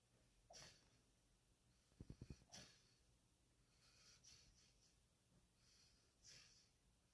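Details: Husky sleeping: soft snuffling breaths with a brief burst of rapid snorting pulses; weird noises, noisy breathing during sleep.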